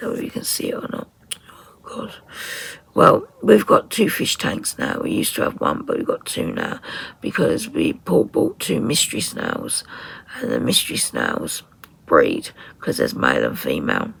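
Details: 57-year-old woman with voice dysphonia from very tight, stressed laryngeal muscles, beginning after COVID pneumonia and also affecting swallowing; ENT found mucus and a laryngeal infection; in speech therapy; voice distorted, sometimes lost; muscle tension dysphonia.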